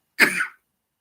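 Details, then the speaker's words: Adult with asthma who has occasional coughing fits: a single short, harsh cough blending into a throat clear. "yes I'm okay I just have asthma so once in a while I just go into a coughing fit uh but I am fine"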